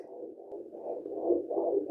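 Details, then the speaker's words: Fetal heartbeat at home via handheld Blue Echo Care fetal Doppler: rapid rhythmic whooshing pulses, rate 151 and consistently around 151, with fluctuations when the baby moves or kicks. "And there it is. There's my baby's heart rate at 151. And those fluctuations are when the baby moves or kicks cuz I can feel the difference."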